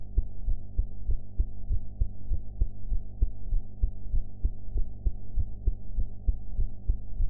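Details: Own heartbeat recorded after eating, with sound quality enhanced: regular low thumping heartbeat at about 98 beats a minute over a steady hum; normal heart sounds.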